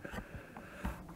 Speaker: if you hear the snoring in the background it's the dog it's not I don't have breathing issues he's a he's a snoozy guy